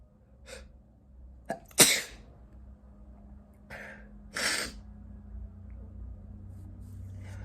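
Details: Male sneezing: two sharp explosive sneezes, each after a short inhale, with quieter breaths and a faint low room hum.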